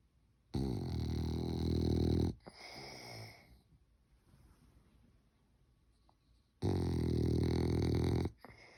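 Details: A sleeping French bulldog snoring with two long, loud, rattling, human-like snores and a softer breath between them.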